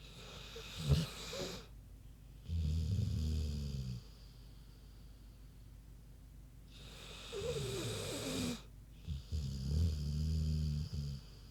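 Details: Deep, rumbling snores with snorting breaths, about two breath cycles in eleven seconds, from a big pig in ordinary sleep snoring.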